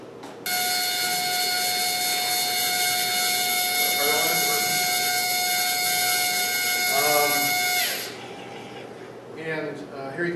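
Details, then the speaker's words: Medtronic surgical drill integrated into a haptic temporal bone surgery simulator: steady high-pitched motor whine for several seconds then stopping, faint talk in background; simulated training setup. "the system in action so this person's manipulating the drill with the the see the drill in Virtual environment sound a lot like that"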